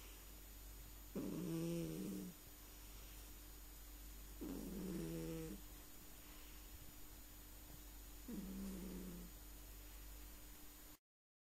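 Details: Sleeping pet cat snoring: three low, buzzing snores about three seconds apart over a steady background hum.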